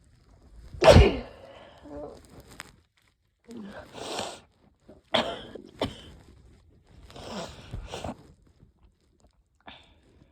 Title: yep, definitely a cold. increasingly desperate sneezes from incoming cold